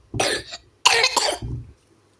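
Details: A short run of three harsh coughs in a small room; cough.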